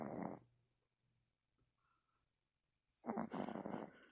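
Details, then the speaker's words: Sleeping dog, eyes open, snoring loudly; owner says her breathing sounds like a guinea pig. Loud, rough snores with quiet breathing between them, in a small indoor room. "You're Killer, so snore. You're terrible, Mom."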